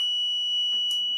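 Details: Dental heat pen switched on to heat sodium hypochlorite inside a root canal, used for only five seconds to avoid heating the dentin: a steady high-pitched electronic tone marking the timed heating cycle.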